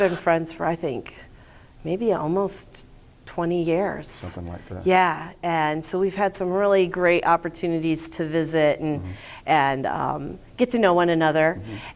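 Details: Adult woman; ordinary speech.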